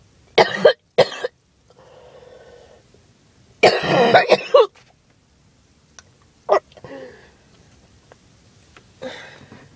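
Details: Adult after skipping breathing treatments several times in a row, possibly allergies, with chest pain: harsh, explosive coughs in clusters with throat-clearing and strained, gasping breaths; choking, hacking cough.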